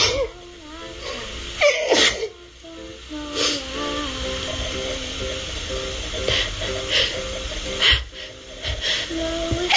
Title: Sneezing all over again